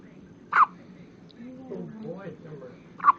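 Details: Two sharp, brief voiced hiccups about two and a half seconds apart, with soft vocal sounds between them; hiccups.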